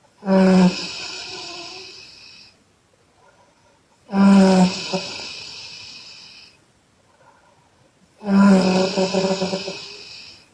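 Loud voiced snores recur about every four seconds, roughly 15 breaths a minute, each starting with a strong buzzing burst that fades out.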